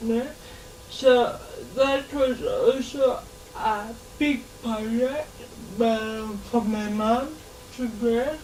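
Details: Adult woman with lifelong cerebral palsy affecting her speech; dysarthria (cerebral palsy).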